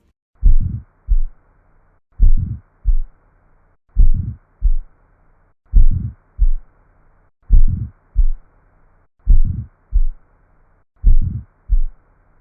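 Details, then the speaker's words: Simulated aortic stenosis: heartbeat about 34/min with a rising-then-falling crescendo-decrescendo systolic murmur from turbulent flow through a narrowed aortic valve. "it is this turbulent blood flow that produces our Crescendo de Crescendo murmur"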